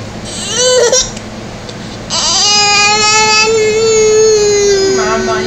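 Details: A baby boy crying, frustrated by his hiccups: a short cry, then a longer sustained wail; no hiccup sounds stand out.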